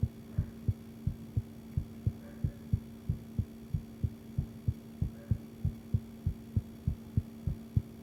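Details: An adult woman records her own heartbeat and asks whether it sounds healthy: steady, regular paired heart thumps at about 90 beats a minute over a constant low hum, with a visible pulse.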